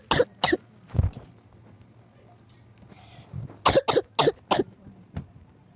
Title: Sorry I got a Cough 😅♀️